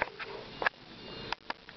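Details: Newborn girl on her first day of life: quick, sharp little catches of breath, a few in under two seconds, hiccups.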